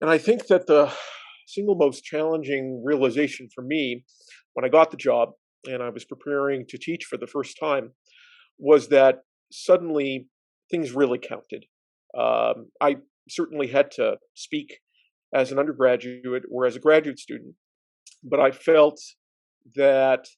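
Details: Male professor who stutters, stuttering fairly regularly, particularly during his first year of teaching; stuttering.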